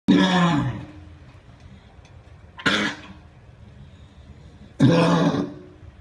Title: Dog Coughing